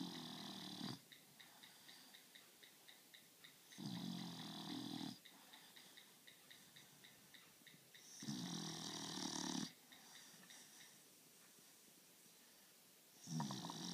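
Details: Rough, rattling snores with a faint whistling edge on each breath, about 13 breaths a minute, quiet between; snoring.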